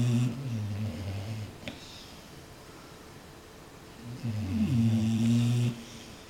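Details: Sleeping bulldogs: deep, droning snores with a steady buzzing tone, two breaths with a quieter pause between; snoring.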